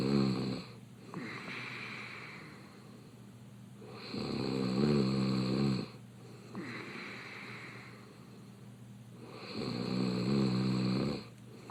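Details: Man, a reality-show contestant, snoring with his mouth open in bed: three rattling snores on the in-breaths, each followed by a breathy out-breath, about fifteen breaths a minute; open-mouth snoring.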